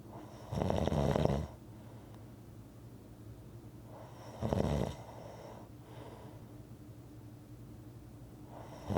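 Loud, rattling snores about four seconds apart with quiet breathing between: ordinary rhythmic snoring.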